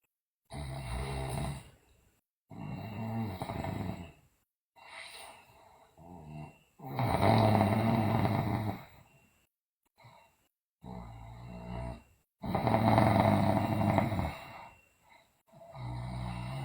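Loud, harsh, rattling snores in long bursts separated by brief silences, several in about seventeen seconds.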